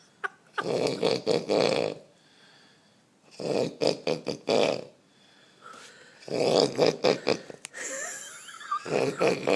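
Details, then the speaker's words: Adult man asleep after drinking, loudly snoring: rough, rattling snorts in irregular bursts with quiet gaps between them, about 20 per minute. "You sleeping? Fair dinkum. How can a fucking chick sleep next to you? It's got me fucked. That's a big snore."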